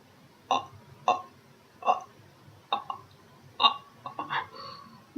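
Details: Vocal tics in a woman with Tourette syndrome, whose tics get worse when she is tired and were really bad while traveling.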